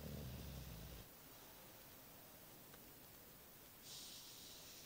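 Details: Female pit bull asleep: one low, rumbling snore followed by quiet breathing under room hiss; ordinary sleep snoring.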